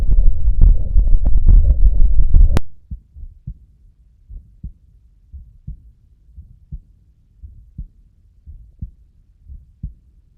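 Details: Slow, regular paired heart sounds through a stethoscope with a soft, low diastolic murmur after brief handling noise; diastolic murmur, always a pathological sign.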